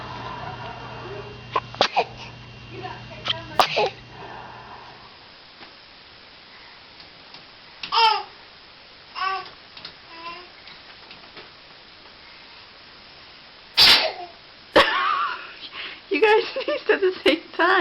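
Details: Baby sneezes: small, high-pitched infant sneezes and soft babble, with a loud sneeze burst near the end, among background voices; ordinary infant sneezing.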